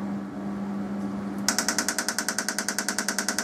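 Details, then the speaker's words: A steady hum, then a rapid train of sharp clicking pulses from a TMS coil firing repetitively, testing whether a suspended titanium aneurysm clip moves at 100% machine output; no perceptible movement; TMS pulse train. "there you have a train and for me um no perceptable movement"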